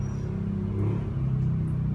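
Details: Steady low mechanical hum of a Mindray iMEC 7 patient monitor's pump inflating a non-invasive blood pressure cuff during a demo; readings of 140/88 and 136/92 are shown.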